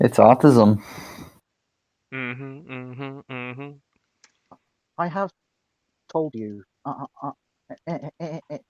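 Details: Stuttering in a woman who says she is mocked for her stutter; it is described as her speech impediment.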